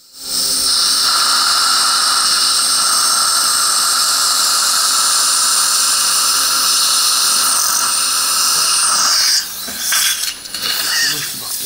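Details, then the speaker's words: Steady high-pitched surgical drill whine for about nine seconds, then stopping: osteotomy drilling for immediate implant placement after extraction at #25 in a 29-year-old male. "i'm going to drill up to 4.0 and the sinus floor is going to be penetrated using the good self-tapping ability of ts3 implant diameter 4.5 implant is going to be placed and bone graft is going to be done as shown"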